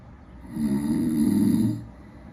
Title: desktop app acoustic and accelerometer waveforms collected during snore